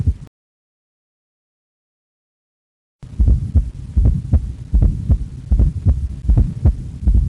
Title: 4th heart sound